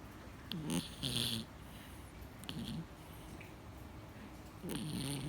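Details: A sleeping cat snoring loudly: short, rough, rumbling snores with a hissy edge over faint room noise.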